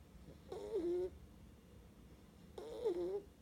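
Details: Snoring described as from a sleeping baby: two soft, pitched snoring sounds on the breaths, about two seconds apart, in a quiet room; sounds like a sleeping cat.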